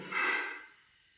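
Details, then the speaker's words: Two sleeping pets snoring: a single noisy, snorting breath, an ordinary light snore. "ഇവിടെ രണ്ടട് ആൾക്കാര കിടന്നു കൂർക്കം വലിച്ചു ഉറങ്ങുന്നതാ ഈ കാണുന്നുണ്ടോ? നോക്ക് കൂർക്കം വലിച്ചച് ഉറങ്ങുന്നത്."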